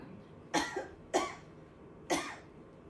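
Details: A woman 30 weeks pregnant after IVF, with a short cervix, lying on her side during an ultrasound, coughs on request: three short, deliberate, sharp bursts with quiet room noise between. A voluntary cough.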